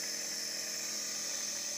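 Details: Child using a nebulizer for his breathing, said to be breathing better already: steady, high-pitched mechanical hum and hiss of the nebulizer compressor running during treatment.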